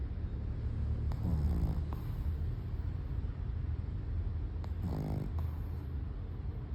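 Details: Low rumbling snores with two brief squeaky whines on the breath from a sleeping Shih Tzu; snoring.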